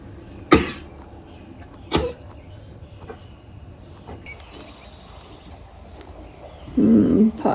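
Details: A horse with very flared nostrils gives two sharp, explosive coughs, with quiet between and a lower blowing sound near the end; veterinary care followed.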